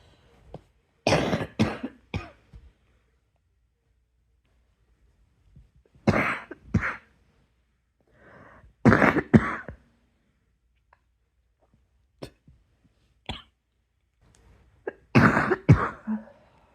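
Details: Night-time coughing attack: repeated clusters of harsh coughs with quiet breathing pauses between bursts.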